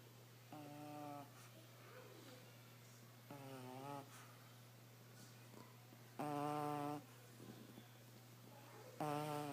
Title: Gwen Snoring - puppy pug